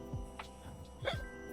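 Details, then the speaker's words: Adult imitating the stridor of a child with a blocked airway or blocked nose struggling to breathe: two harsh, noisy breaths. Simulated stridor. "You may hear something called stridor."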